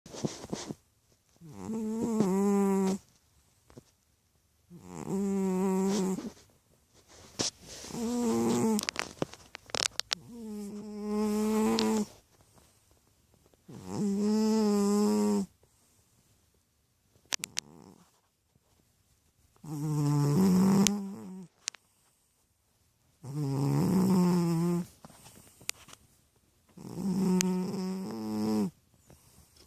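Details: A sleeping chubby cat snores with steady, tonal rasps about 18 times a minute, separated by quiet pauses: snoring.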